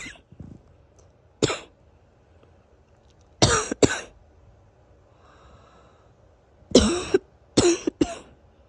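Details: Somewhat wheezy morning cough after several days of sniffling and coughing following a sudden weather change from 90° to 70°.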